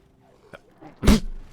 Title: Sneezing with Echoist